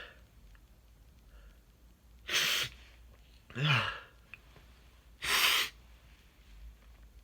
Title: Quick sneezing 🤧 (male)